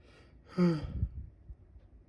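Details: Person with an itchy, tickling nose sneezing: one brief voiced burst with falling pitch, then a soft breath out; a single sneeze.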